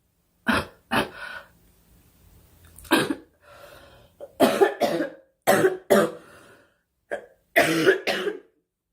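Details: Young woman, apparently unwell, with about ten dry coughs in short clusters and throat clearing over a faint background hum; repeated coughing.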